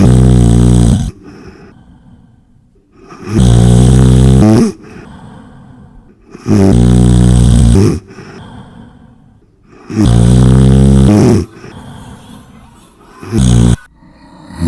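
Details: Loud, rattling snores on each breath, about four in fifteen seconds, with quieter breathing between; snoring.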